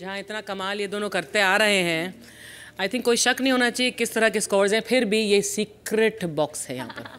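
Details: Adult woman speaking Hindi; normal fluent speech.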